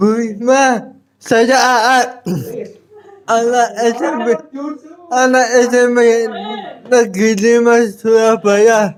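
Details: Adult with cerebral palsy, described as thinking well despite the disability; dysarthric speech in cerebral palsy.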